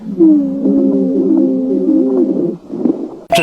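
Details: Stethoscope recording of lung breath sounds from a COPD patient: a long musical, wavering wheeze through a prolonged breath, from narrowed airways.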